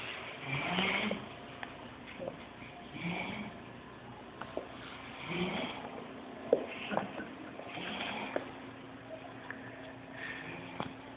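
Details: Soft rasping snores from sleeping animals, repeating about every two to three seconds, roughly five in the stretch, over low room noise.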